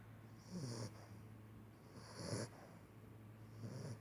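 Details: Sleeping 10-week-old Pitbull puppy snoring: soft, rattly snores, three noisy breaths repeating at a quick, slightly uneven pace, with a steady low hum behind.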